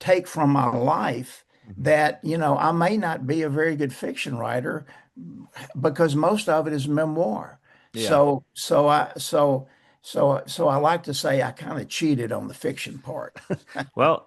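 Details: Man close to 80 who still stutters, describing mainly blocks and poor airflow with some repetitions; stuttering.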